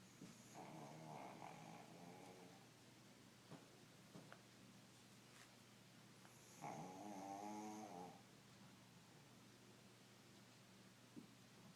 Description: My 13 year old pug snores louder than a human!